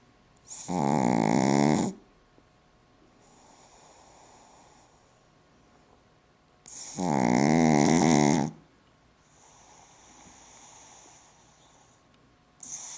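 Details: Pug snoring in sleep: loud buzzing snores on each in-breath, about every six seconds, with softer hissing out-breaths; flat-faced dog snoring.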